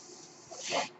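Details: Breath sound of the speaker's own home mechanical ventilator, heard in the background while talking.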